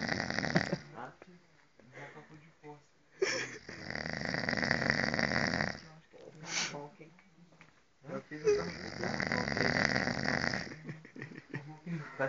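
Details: Man snoring during sleep on a retreat: loud, rough, fluttering snores on the in-breath, three long cycles with quieter out-breaths between, in a small room.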